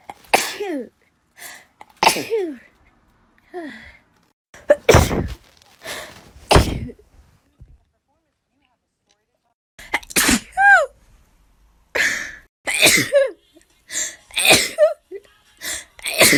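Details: Person who says they sneeze very often, likely not from allergies, just after waking: about a dozen sharp, explosive sneezes in quick runs, some high and squeaky; a sneezing bout.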